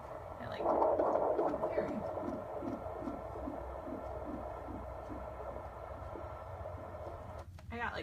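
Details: Fetal heartbeat on Doppler at a 35-week midwife prenatal appointment: rapid whooshing pulses through Doppler static, midwife counting about 140 beats a minute, within the normal range.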